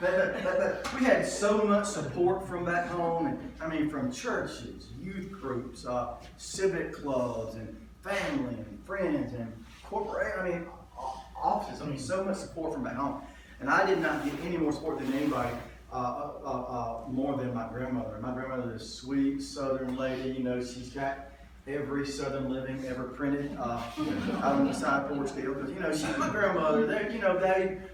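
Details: Adult male comedian who stutters, lifelong ("doing it forever"), says he was stuttering pretty badly in one story and does not hear his own stutter; stuttering.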